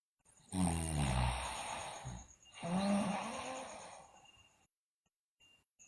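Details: Two long, loud, rattling snores on inhaled breaths with a quiet pause between, from a sleeping girl; snoring.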